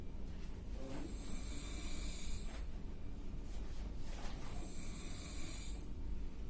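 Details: Snoring from a sleeping adult dozing in an office, recorded by a coworker: loud, rough snoring with repeated rattling breaths over steady low room noise.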